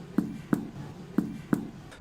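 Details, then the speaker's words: Abdominal percussion in a teaching demonstration on ascites: drum-like tympanic note from percussing a hollow, gas-filled organ (intestine), contrasted with dull note over liver or free fluid: tympany. "Tambour en latin c'est tympan, donc on l'appelle tympanisme. C'est le cas quand on percute un organe creux contenant des gaz, à savoir l'intestin."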